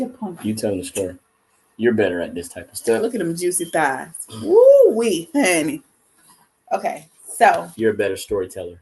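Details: Adult speaker; no voice disorder.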